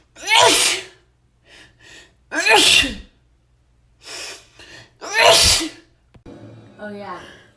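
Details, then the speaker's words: Allergic sneezing fit triggered by deliberately smelling a soap the person is allergic to: three loud, forceful wet sneezes, each with a sharp inward breath before it, quieter breaths and noises between. "okay so you guys i have this soap that i'm allergic to so i'm gonna kind of smell it and it'll do the trick okay okay uh"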